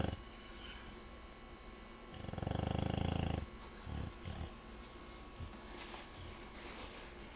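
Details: Sleeping 5-month-old American blue nose pit bull terrier puppy, said to snore loudly: one rough, rattling snore over steady room noise, followed by a few short snorts; puppy snoring.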